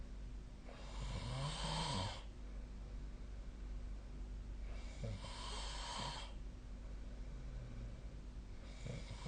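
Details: Loud, rough, rumbling snores on each breath during sleep, about every four seconds (roughly 15 a minute), over a quiet room hiss.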